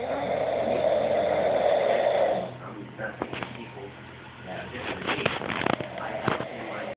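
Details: Snoring.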